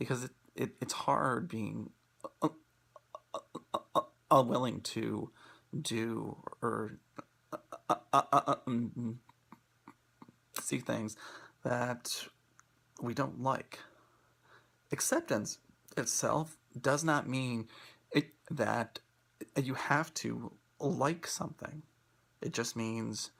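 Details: Presenter who stutters, giving a talk on acceptance and commitment therapy for people who stutter; stuttering.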